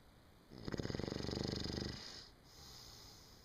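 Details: Sleeping person snoring: one drawn-out snore with a rapid buzzing flutter, followed by a softer breath out.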